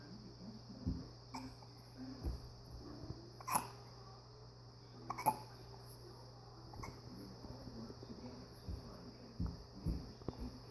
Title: Happy hiccups 2-8-17